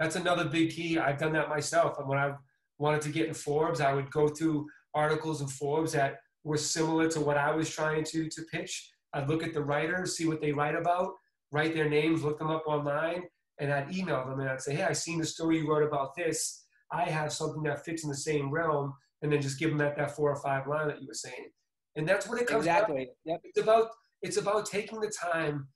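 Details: Adult man speaking; normal speech.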